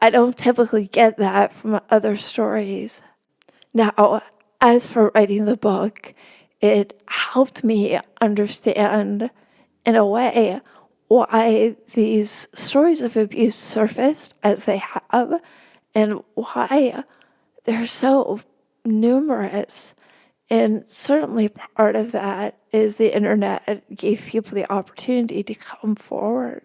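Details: Woman with spasmodic dysphonia, which the host says makes her sound nervous though she is not, speaking as a podcast guest; spasmodic dysphonia.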